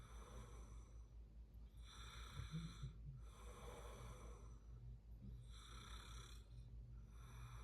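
Quiet, rough breathing noises in slow repeating cycles with low hum in the background; snoring during sleep.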